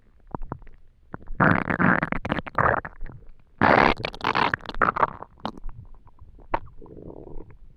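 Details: Stomach growling (borborygmi) while trying to sleep with an empty stomach: loud gurgling, bubbling rumbles in bursts with squeaky pops.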